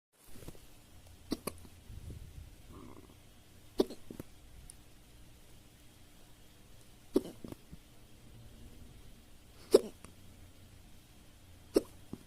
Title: fast hiccup after eating